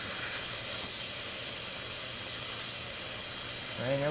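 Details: Steady high-pitched whine of a dental high-speed drill with water-spray hiss, during final preparation of four upper-right teeth at once for crowns.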